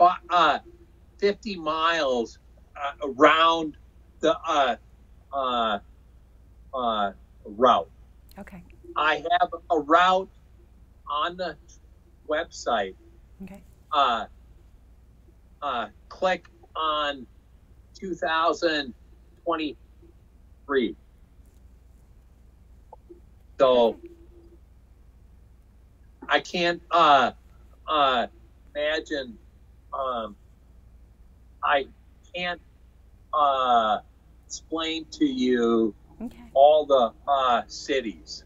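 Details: Man with aphasia after a stroke in 2005 caused by hereditary hemorrhagic telangiectasia (HHT); told he would never talk again; he says he had or still has aphasia, talking was hardest in recovery; aphasia.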